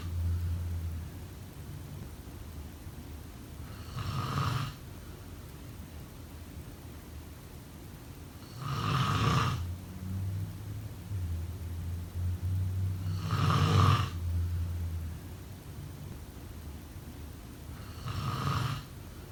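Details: Loud rattling snores with quiet gaps between them, four in about 19 seconds, roughly 12 breaths a minute; snoring.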